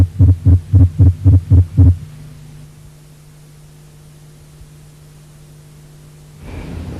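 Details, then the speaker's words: Very fast, regular heartbeat near 220 a minute with split heart sounds and a first sound varying in intensity from atrioventricular dissociation; ventricular tachycardia, which does not respond to vagal stimulation. "en el próximo registro usted podrá comparar con una taquicardia ventricular existe desdoblamiento y el primer ruido varía de intensidad por la disociación auriculoventricular"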